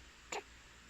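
One brief, soft hiccup-like click against faint room noise.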